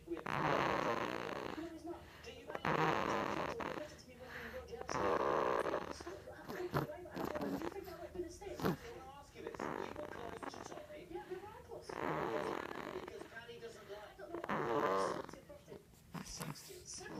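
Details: Infant snoring with loud, rattling, croaky breaths recurring roughly every two to three seconds.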